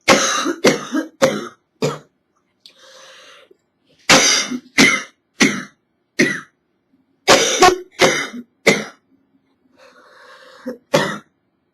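Repeated harsh, hacking coughs in short bursts with a few breaths between them; a chest-cold cough.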